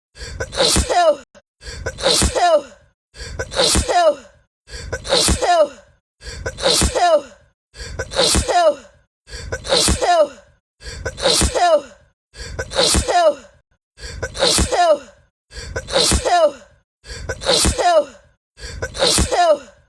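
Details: Sneeze recorded on camera and edited into a 3½-minute loop, hashtags mention allergies and a Black woman: one sharp 'achoo' sneeze repeated roughly 13 times.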